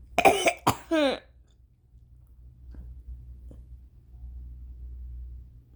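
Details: Violent coughing fit at 4:30 AM, mostly uncovered, blamed on rain-triggered allergies after a sleepless night, with gagging: three forceful, harsh coughs in quick succession, then quiet faint breaths.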